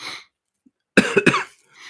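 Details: Adult with Corona (COVID-19) sniffing and coughing while doing a diamond painting; cough.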